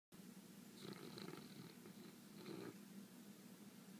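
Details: Sleeping pet snoring while dreaming: soft, steady rumbling breath noise with two slightly louder swells, light snoring.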